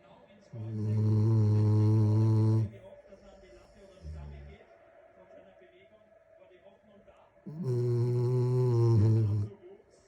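Two long, low, buzzing snores about seven seconds apart in a quiet room, roughly eight to nine a minute: ordinary snoring in a sleeping dog.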